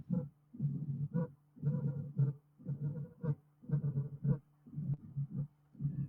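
A slow, regular heart rhythm, about 58 a minute, with a low rumbling murmur leading into each sharp beat: the rumble of mitral stenosis.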